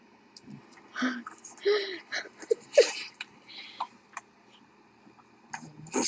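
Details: Small animal gives a run of short, sharp, hissing sneezes with faint squeaky snuffles between them in a quiet room; sneezing.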